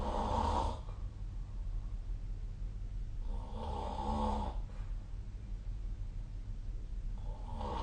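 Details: Recording of a person snoring in sleep: low, droning snores recurring every few seconds over a steady room hum, about 16 breaths a minute; snoring.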